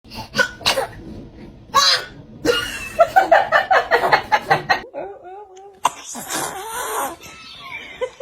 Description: Watch these adorable babies sneeze! Tiny sneezes, big smiles 😍👶